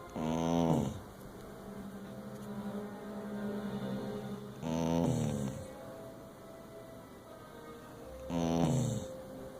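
Three loud rattling snores, each under a second, roughly every four seconds, over a steady background hum; ordinary snoring.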